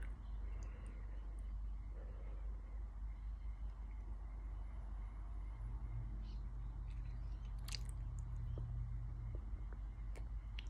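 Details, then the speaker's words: Repeated chewing and biting-like jaw noises with clicks and crunches from painful, involuntary oromandibular dystonia jaw spasms in a patient who also has fibromyalgia, EDS, chronic migraines and ME. "And they really hurt. They're my dystonic spasms."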